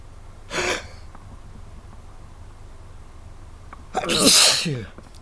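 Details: Two sneezes, a brief lighter one then a louder explosive one a few seconds later, over steady background hiss; sneezing.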